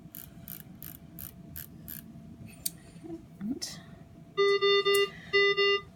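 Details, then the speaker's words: GE Carescape ventilator, alarm deliberately triggered in a nursing tutorial: loud repeating electronic high-priority alarm tones in bursts after some handling noise. "there's a secondary high-priority alarm if you do not respond within 30 seconds soon you're gonna hear this"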